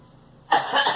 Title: Girl coughing